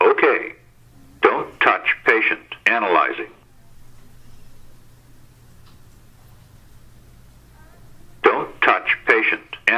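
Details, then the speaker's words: Zoll AED connected to a simulator set to ventricular fibrillation during an inspection test: recorded voice prompts "shock advised, don't touch patient, press flashing shock button, shock delivered, start CPR"; AED voice prompts. "shock advised don't touch patient press flashing shock button shock delivered start CPR"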